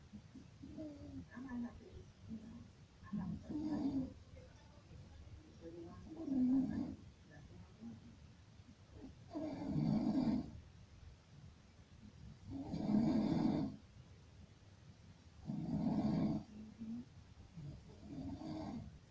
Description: Enjoy this horrible sound of Snoring at its finest.